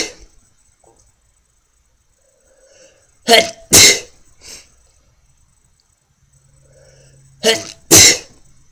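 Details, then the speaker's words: Man deliberately inducing repeated sneezes by pressing a fingernail against the inner nostril wall: two pairs of sharp, forceful sneezes, each with a brief intake before, separated by quiet. "gets a little harder after takes a little longer more pressure and you can move around the wall too get you know just takes more after each sneeze I guess"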